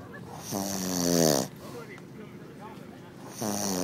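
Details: A man snoring outdoors over a weekend event: a loud, rattling snore of about a second, a pause, then the next snore starting, over outdoor background noise.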